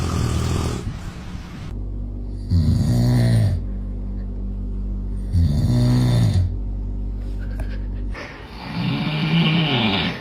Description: Children are afraid of snoring #usa🇺🇸 #funnyvideos #funny #tiktok